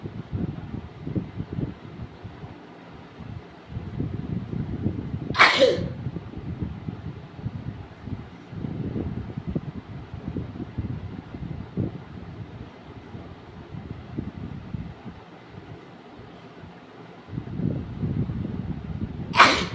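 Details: Woman in a sneezing and nose-blowing challenge: two sharp sneezes about twelve seconds apart, with muffled rustling and nose-blowing into a cloth towel (gamchha) between; sneezing.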